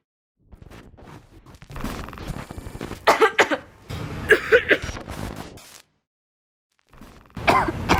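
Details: Several short, harsh adult coughs in clusters, with throat-clearing noise between bursts; cough recorded in 2020.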